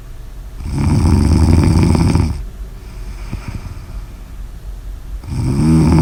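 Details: Loud, harsh, rattling snore on inhalation, then a quieter breath out before another snore begins; vibrating airway during sleep, snoring.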